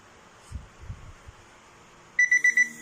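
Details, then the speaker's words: K9 Pro Plus non-contact thermometer tested on hot water to simulate a fever; after faint handling noise, four rapid high-pitched beeps, the high-temperature alarm. "อุณหภูมิร่างกายสูงเป็นอุณหภูมิสูงนะคะถ้ามีไข้ก็จะขึ้นแบบนี้นะคะ"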